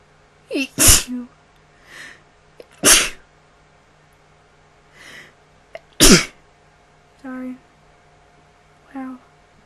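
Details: Self-recorded person sneezing: three sharp, explosive sneezes, each after a short catching breath, with brief voiced sounds afterward.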